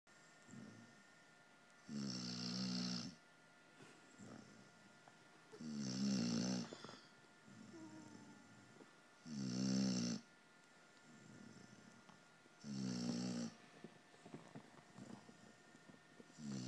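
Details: Loud, regular rattling snores on each breath in, about 17 a minute, with quieter breaths out and a faint steady hum, while sound asleep on a lap: snoring.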